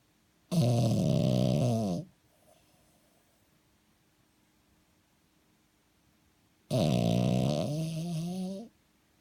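Two long, loud rattling snores about six seconds apart, each a buzzing flutter drawn in on the breath: noisy snoring in a flat-faced dog.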